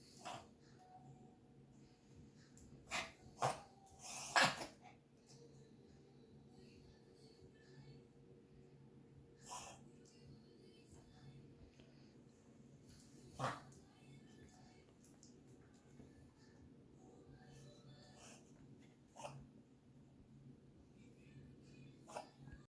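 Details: Dog coughing: short, sharp coughing bursts, a cluster early and then single coughs spread apart.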